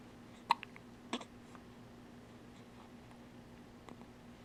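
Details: Hiccups recorded May 10: two sharp, abrupt hiccup sounds, then a faint third, in a quiet room; ordinary infant hiccups.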